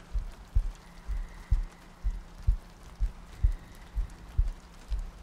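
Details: ASMR sleep-aid loop of a heartbeat with soft breathing and rain ambience: regular soft low thumps at about 60 a minute over a steady hum and light rain-like noise.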